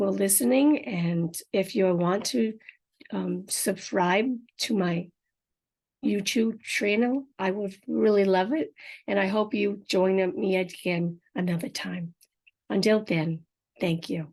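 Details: Adult woman with apraxia of speech and aphasia after a stroke 4.5 years earlier, unedited podcast speech, some words hard to understand; apraxia of speech with aphasia.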